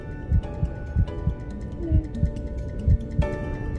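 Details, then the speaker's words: Fetal heartbeat on Doppler ultrasound scan over the mother's abdomen while the mother talks to the baby, with kicking felt: soft, rhythmic whooshing thumps, with music underneath. "do an ultrasound scan to monitor the baby's heartbeat i'll be scanning you today inside the mother's abdomen it's far from silent"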